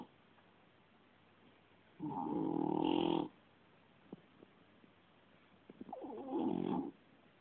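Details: Two loud, rough, rattling snores about four seconds apart with quiet breathing between, from a sleeping cat.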